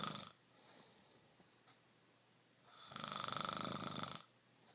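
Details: Rattling, fluttering in-breath snore lasting about 1.5 seconds after a quiet pause, typical soft-palate snoring.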